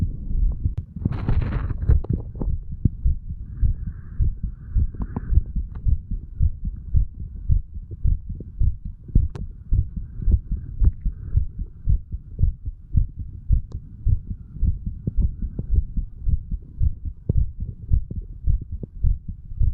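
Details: 35-year-old male, standing, recording his own heart through the mitral, tricuspid, pulmonary and aortic areas, then the right ventricle area: rapid, steady thumping heartbeat about 105/min with some rubbing noise, no clear extra sounds.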